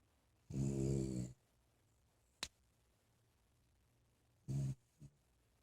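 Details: Loud snoring likened to an old man's, traced to a sleeper under a desk: one deep, rumbling snore, then a shorter one a few seconds later, with faint clicks between in a quiet room; snoring.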